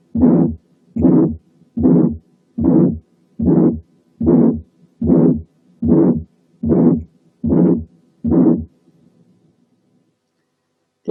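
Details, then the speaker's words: Severe aortic stenosis: long, harsh ejection systolic murmur at about 75 beats a minute, with a faint, nearly absent second heart sound from a rigid, calcified valve. "كل ما كان الايورتيك ستينوزس سيفيرر كل ما كانت الميرمر اطول، مش اعلى، اطول، بحيث ان very short ejection systolic murmur تساوي very mild aortic stenosis."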